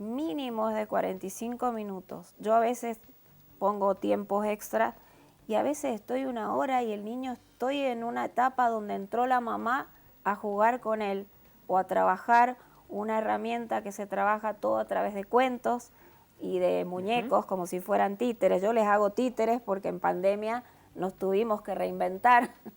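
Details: Adult woman speaking Spanish; normal speech.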